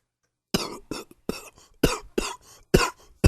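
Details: A rapid run of about seven harsh, loose adult coughs: bronchitis coughing.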